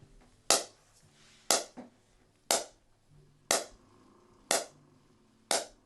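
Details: Softwave shockwave therapy applied under the ankle at setting five, searching for tender spots; sharp, snapping pulses repeating about once a second at a steady pace.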